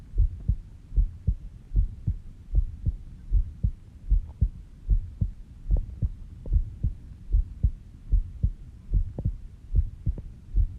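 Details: Regular, soft low thumps at about 75 beats a minute, recorded while sleeping at 5:30 am, stated rate about 70 bpm; slow, steady normal resting heartbeat.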